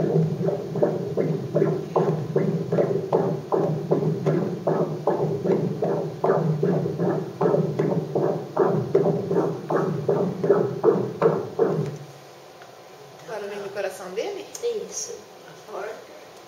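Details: Unborn baby boy's heart during an obstetric ultrasound exam: rapid, regular whooshing fetal heartbeats, about 155–160 a minute, strong and normal.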